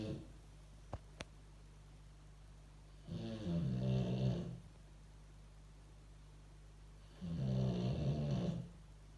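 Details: Boxer dog sleeping after a day's work, snoring loudly, no sound effects added.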